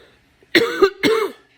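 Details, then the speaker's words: An adult gives two short, harsh voiced coughs close together after ripping out carpet without a mask or protection; the lungs are said to be suffering. "I'm still coughing because we're ripping out the carpet right now."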